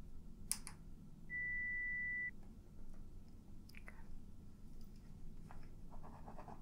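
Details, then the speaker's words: Simulated hearing test in an ASMR audiologist role-play, during high/low frequency testing in which the listener raises a hand or says yes on hearing a tone: a steady beep about one second long amid soft clicks and room noise. "what i want you to do is when you hear one of the sounds one of the tones you can either raise your hand or you can say yes okay"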